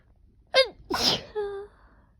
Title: Sneezing pt4